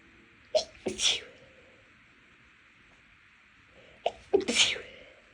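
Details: Two fits of stifled sneezes, each a quick run of muffled bursts with sharp indrawn breaths, from nasal irritation by dust and cleaning products after cleaning (no known allergy to either).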